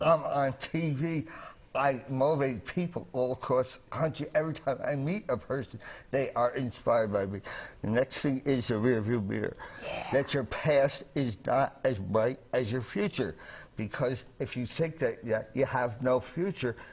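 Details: Adult man with dysphonia and mildly slurred speech after a trach tube, inserted by a medic en route to hospital after a 1981 fire, damaged his voice box; also carbon monoxide poisoning, traumatic brain injury and coma, with speech relearned.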